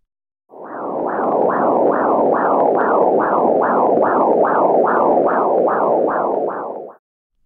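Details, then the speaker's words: Fetal blood flow on a BabyBeat handheld fetal Doppler: rapid, regular whooshing pulses at about 150 a minute; normal. "here is the sound of fetal blood flow is a much faster pulse than"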